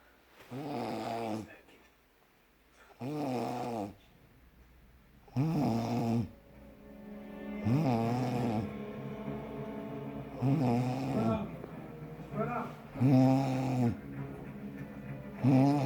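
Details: Sleeping man snoring: loud, rattling snores with each breath, about 25 a minute, separated by quiet pauses; sleep snoring.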